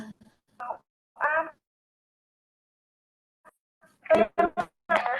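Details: 7-year-old boy with sensory hearing impairment, using hearing aids since age 4 that did not meet his needs, later leading to a cochlear implant; cannot yet produce clear meaningful words; unclear speech of a child with hearing loss.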